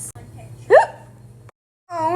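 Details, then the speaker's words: Monkey with hiccups, described as scared: a single short, sharp, voiced hiccup over a low steady hum, followed after a pause by a wavering vocal sound; hiccup. "I got hiccups."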